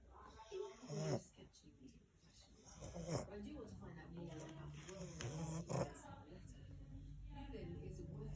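Low, rumbling snores from a sleeping small dog under a steady background hum, with voices partly covering them.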